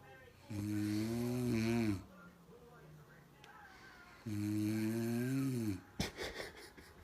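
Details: A sleeping mother gives two long, loud, droning snores with a buzzing, almost voiced tone, followed by a brief rustle; snoring.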